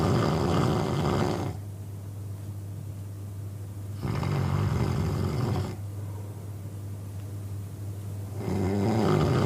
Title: Man snoring sound effect- very disturbing